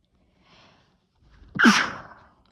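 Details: Single loud explosive sneeze after a soft in-breath, trailing off; ordinary sneeze.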